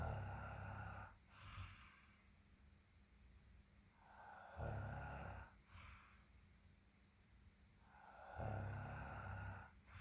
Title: Quite snoring